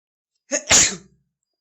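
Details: A single sneeze: a short indrawn 'ah' then a sharp, hissing burst of air in a quiet room.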